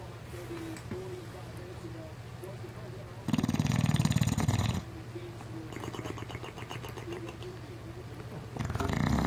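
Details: Four-year-old English Bulldog asleep: loud, rattling snort-like snores with quieter breathing between bursts over a steady low room hum; snoring.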